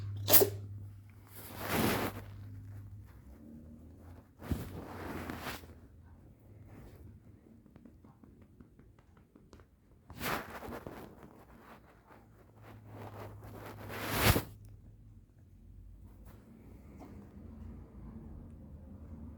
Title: Cat sneezes while being pet